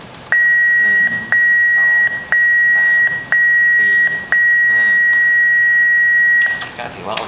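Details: Defibrillator daily self-test during preventive maintenance, charging toward 150 joules: repeated steady electronic beeps about once a second, with a voice counting over them.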